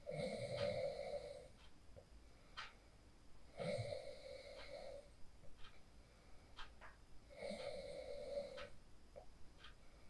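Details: Real sleep snoring recorded on a phone after practicing the 4-7-8 breathing technique (inhale 4, hold 7, exhale 8): soft whistling snores about every three to four seconds, roughly 16 a minute, with faint clicks and quiet room noise.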